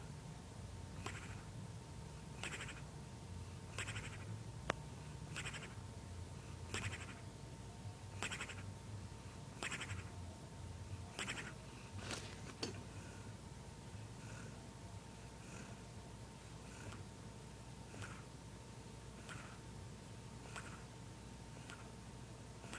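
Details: Sleeping black Labrador puppy snoring with rapid, rhythmic snorting snores, about 43 a minute, fading toward the end.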